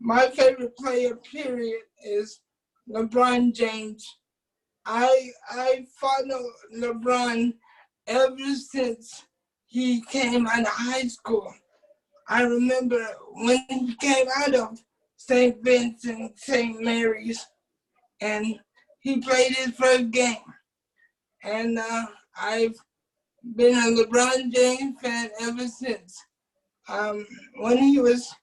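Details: Adult man with cerebral palsy since birth who uses a wheelchair; doctors predicted at birth he would not speak; dysarthric speech in cerebral palsy.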